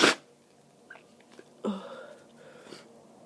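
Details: A sharp, forceful sneeze then softer muffled stifled bursts and breathy sounds, from an adult with a cold, stuffed up and snotty, in a powerful sneezing fit lasting about 30 minutes.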